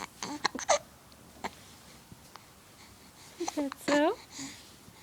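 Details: Infant hiccups in the early morning: several brief, sharp hiccup sounds mixed with soft cooing vocalizations, in a quiet room.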